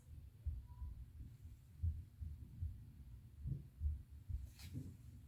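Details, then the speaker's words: Stethoscope auscultation over the carotid artery during a cardiovascular exam; low soft regular pulse thumps with no whooshing bruit, no bruits noted: normal carotid auscultation. "I'm listening to the carotid artery for bruits."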